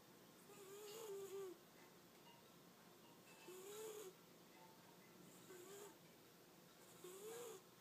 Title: Persian Cat snores!